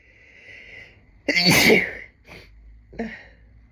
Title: Sneezing from listening to sneezing!